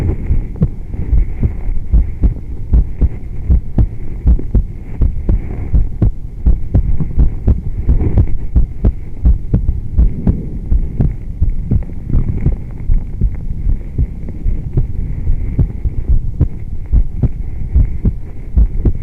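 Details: Adult female heartbeat recorded during yoga (not pregnant), with breathing and clothing sounds: steady dull thumps near 79 a minute, faint hum behind; ordinary heartbeat through the chest wall.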